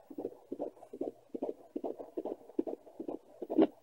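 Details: Fetal heartbeat on Doppler at 15-16 weeks of pregnancy: fast, rhythmic whooshing thumps around 140s a minute, a normal rate.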